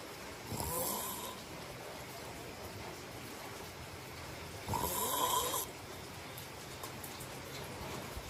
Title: Welcome to listen to my snoring to help you fall asleep👍 #snoring